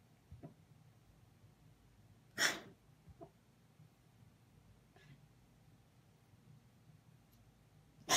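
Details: Cat coughing in a cold hallway, where the owner wonders about heat shock from the cold: one sharp, forceful cough followed by a few softer, brief coughing bursts in a quiet room.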